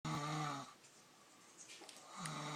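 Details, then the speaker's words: Loud snoring at about 2 a.m.: a loud, buzzing snore on the in-breath, a quiet pause, then the next snore starting. "is really what this little loud ass bitch sounds like when I'm trying to fucking sleep at 2 something in the morning."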